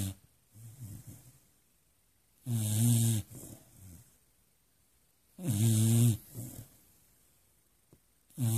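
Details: Sleeping Beagle dog, whose snoring kept the owner up all night, gives loud, rattling snores on each in-breath, about 20 a minute, with softer snorting out-breaths; heavy snoring.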